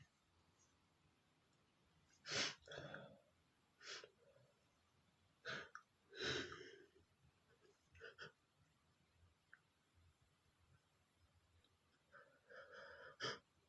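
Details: Adult man sneezes repeatedly in short, sharp bursts, trying to hold them back and partly stifling them, with quiet breaths between: repeated sneezing.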